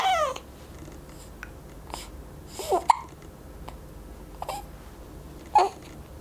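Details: Four-week-old baby with hiccups: soft, brief jerky catches in breathing repeating irregularly, with a small fussy sound at the start; harmless infant hiccups.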